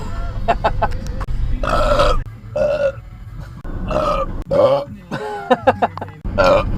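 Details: Repeated burping while driving: several loud, low, voiced belches in a row, with road noise behind.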